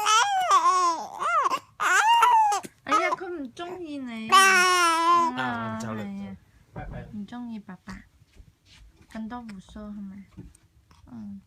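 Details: Sick 4-month-old baby crying while his father imitates the baby's sneezing sound: rising, wavering infant cries breaking into sobbing bursts, with quieter adult voice sounds between them.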